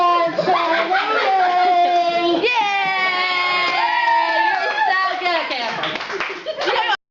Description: 3 year old singing with the hiccups